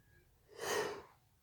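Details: Induced sneeze: one brief, soft hissing burst of air lasting about half a second, a muffled sneeze.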